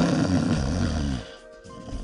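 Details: A single loud, low, rattling snore lasting about a second, then a quieter breath, with faint background music; presented in the context of snoring and obstructive sleep apnea treatment.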